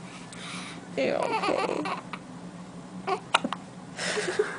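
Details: A 1-day-old baby boy with hiccups: fussing and babbling broken by a few short, sharp catches in the voice; he does not seem upset by them.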